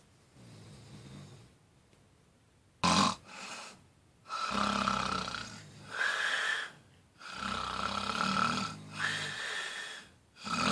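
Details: Loud, rough snoring with repeated rattling breaths and brief pauses between them, about five or six breaths in ten seconds; snoring.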